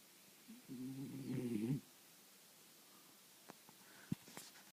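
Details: Sleeping cat snoring: a single low, rattling snore lasting about a second, then quiet breathing with a few faint clicks.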